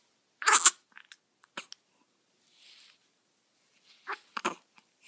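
Sharp, brief bursts from a newborn, repeating a few times with quiet gaps: infant hiccups.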